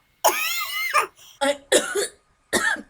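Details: A few short harsh coughs and throat-clearing bursts with brief pauses, from a person who currently has hiccups; a plain cough.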